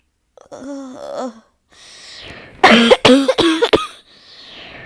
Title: Nonstop coughing fit…